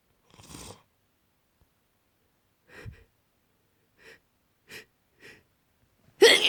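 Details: Sleepy person with a cold: several small sneezes and catches of breath ending in one loud forceful sneeze; a sneezing fit.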